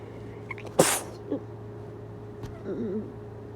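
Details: Tired person's wet induced sneezes.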